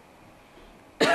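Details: A second of quiet room noise, then one sharp, forced voluntary cough cut off mid-sound, during testing of a smartphone AI app to detect tuberculosis from coughs.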